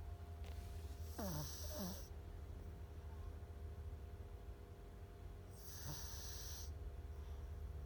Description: Hank our senior Pug sleeping and snoring